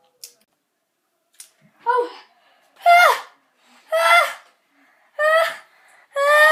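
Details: Children's repeated sneezes in a small room: five short, high-pitched, voiced bursts with a hissy edge, about a second apart, after two faint clicks.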